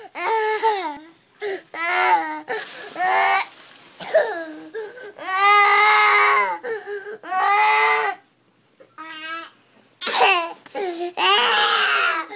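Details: Baby girl crying vigorously while her father carries her away: repeated loud, wailing cries broken by short gasping breaths and brief pauses.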